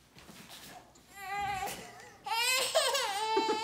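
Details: Baby girl fusses, then breaks into loud, rising wails with brief pauses when her father sits down while carrying her; ordinary protest cry, soft background music.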